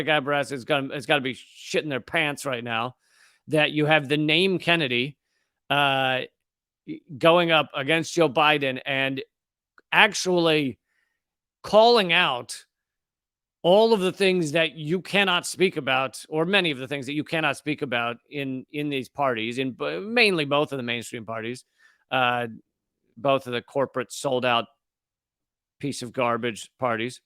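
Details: Adult male speaker; ordinary speech.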